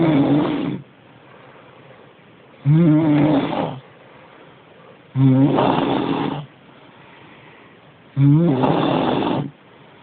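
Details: Loud, rough, droning snores, about 24 breaths a minute, each around a second long with quiet pauses, from a sleeping woman; snoring.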